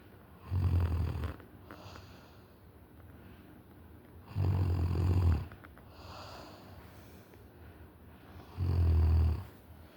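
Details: Person snoring loudly: low, rumbling snores on each breath in, about 15 a minute, with quieter breaths out between them.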